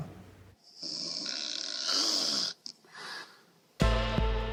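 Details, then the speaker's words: A single long, rattling inhaled snore followed by a brief snort, then music starting abruptly: snoring from muscle relaxation narrowing the airway at night. "Vous l'avez compris, le ronflement est un problème mécanique. La nuit, avec le relâchement de nos muscles, le passage de l'air devient plus compliqué."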